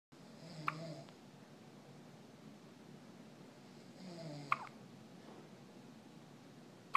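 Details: Infant's first hiccups: two sharp little catches, each with a soft vocal sound, a few seconds apart over steady room noise.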